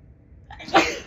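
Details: Female's morning allergic sneeze, blamed on dust blown around by a fan left on all night: a single forceful sneeze with a brief in-breath before it.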